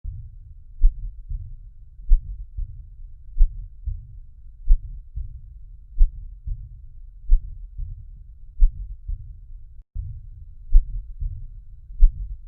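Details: Slow, regular heart sounds near 46 a minute with a low rushing murmur starting after S1 and ending before S2: a systolic ejection murmur in a teaching recording.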